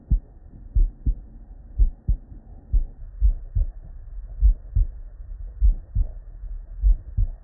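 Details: Real bedside human auscultation from patients with normal cardiac physiology: soft regular lub-dub pairs, roughly 50 to 60 a minute, no extra sounds; normal first and second heart sounds.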